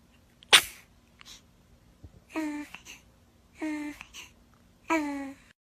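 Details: A young child's single sharp, explosive sneeze, followed by three short high-pitched voiced sounds from a small child.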